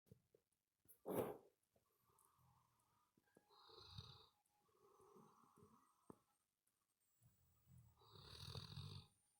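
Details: Sleeping animal recorded close to the listener's ear: soft, whistling, snuffling breaths in slow cycles with a brief snort; ordinary snoring.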